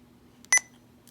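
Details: A single short, high electronic beep in a quiet room: a Sapphire IV infusion pump confirming a keypress while programming a flow rate in mL/hour during an ambulance inservice.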